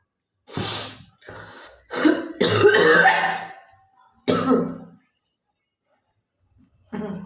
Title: Girl coughing 269